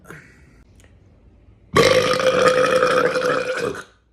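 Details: A man burping: a long, loud, voiced belch lasting about two seconds after a quiet lead-in.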